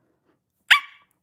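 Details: Involuntary vocal tic in a young woman with Tourette syndrome during a livestream: a sudden sharp, high bark-like vocal burst, then the start of a voiced sound.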